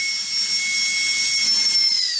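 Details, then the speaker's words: Dental drill sounds played as distraction during a children's focus task: steady high-pitched whine with hiss of a running dental drill. "While Jackie doesn't seem bothered by the sound of the dentist drills, Elliot's not looking quite so comfortable."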